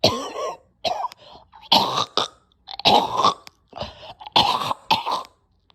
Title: Nasty coughing and choking